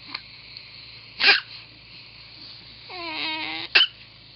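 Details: Infant boy with hiccups: two short, sharp hiccup bursts with a brief whimpering cry between them over a steady background hum.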